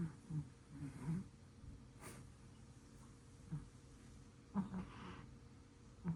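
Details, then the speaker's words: Sleeping pet cat snoring gently: faint, low, rumbling breath sounds, soft and irregular, against a quiet room. "Listen carefully The cat is snoring"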